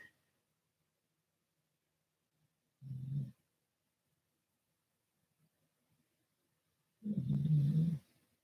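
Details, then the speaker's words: A sleeping dog gives two low, rumbling snores, one brief and one longer, separated by quiet. Snoring. "my dog snores oh you can hear in the background but he's way another side RV"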